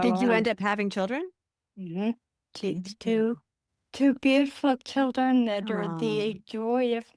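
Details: Adult woman with Friedreich's ataxia, a rare progressive neurodegenerative disease diagnosed at age 23, which she says affects her speech and can cause swallowing difficulty; wheelchair user; ataxic dysarthria.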